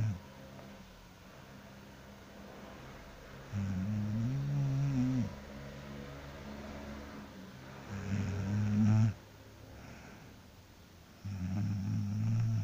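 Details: Person snoring loudly while asleep after work: three loud, low, rumbling snores on slow breaths, about four breaths a minute, in a quiet room.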